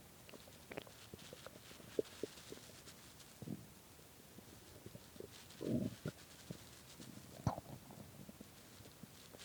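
Scattered gurgling and rumbling bursts over quiet room noise, typical of stomach growling from an empty stomach.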